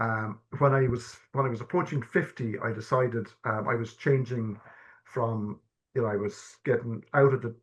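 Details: Stammering (stuttering) in an adult man who has stammered since childhood. Early repetitions turned into severe blocks at age 12, with secondary behaviours such as 'um', restarting, avoiding eye contact, coughing and filler words. Stammer-affirming therapy is discussed.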